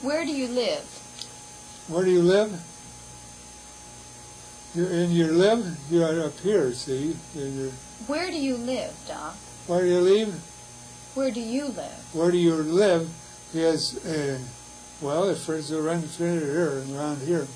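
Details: Patient with Wernicke's (fluent) aphasia with poor comprehension; Wernicke's aphasia.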